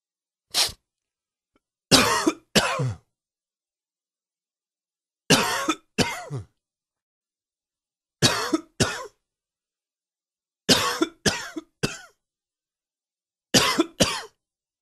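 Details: Coughing fit: twelve sharp coughs in short clusters of two or three, separated by brief quiet pauses.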